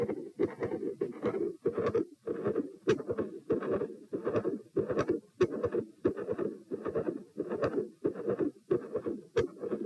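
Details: Heart sounds recorded at position P with the patient standing and sitting: a rough continuous murmur filling the cycle that reduces on position change, with split first and second sounds; continuous heart murmur with split S1 and S2.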